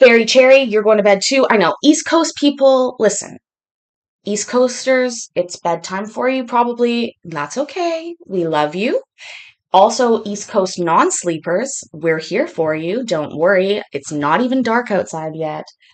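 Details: Adult woman speaking; no speech disorder.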